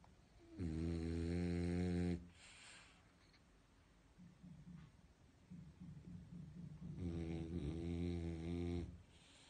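Two long, loud, rumbling snores with a low buzzing tone, separated by quieter breathing; a dog snoring while asleep.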